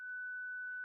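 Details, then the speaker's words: Zenix defibrillator/monitor with external paddles, during manual defibrillation: a steady, pure high electronic tone once the selected energy is reached and the paddle charge indicator lights; defibrillator charged-ready tone. "When you reach the desired energy level, the charge indicator on the Apex paddle illuminates."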